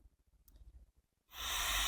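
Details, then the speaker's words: ResMed AirMini portable CPAP set to auto 5–20 cmH2O, started with no tube attached: quiet clicks, then a steady rising airflow hiss as it runs before stopping on a high-leak alert. "การทำงานนี่คือเสียงของเครื่องเวลาทำงานนะครับ"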